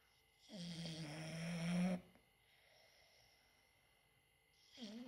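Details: Loud, rough, low snore about a second and a half long from an English bulldog, then quiet, with the start of another snore at the end; snoring.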